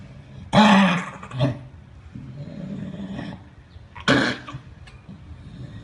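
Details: Dog at a veterinary clinic gives two loud, harsh, hacking coughs a few seconds apart, with low rumbling breath noise between them.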